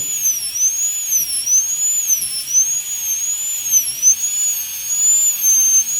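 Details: High-speed dental drill placing the functional cusp bevel at 45 degrees, mesial to distal, for about 1.5 mm space in a full metal crown preparation on tooth #46 in a phantom head: continuous very high whine, wavering on contact.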